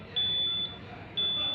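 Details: ZOLL ventilator in hospital emergency department training demonstration: two steady high-pitched beeps about a second apart over room noise, ventilator alarm sounding.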